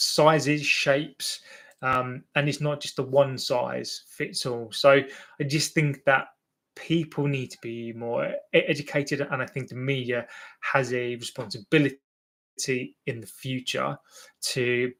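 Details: Adult male with an accepted stammer, less fluent when nervous or in front of an audience; word and phrase repetitions: stammering (stuttering).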